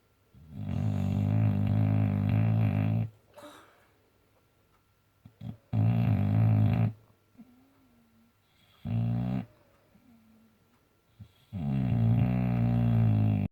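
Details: Boxer dog snoring: loud, low, buzzing snores, three long ones with a shorter one between, each followed by quiet breathing.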